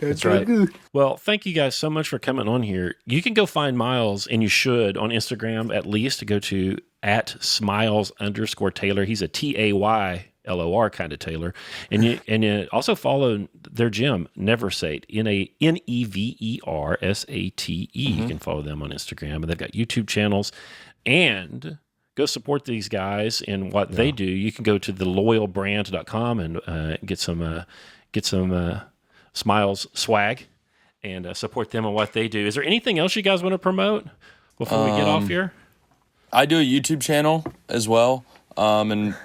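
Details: Adult male speaker; normal speech.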